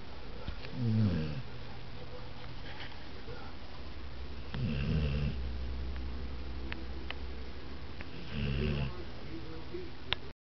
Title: Buster Snoring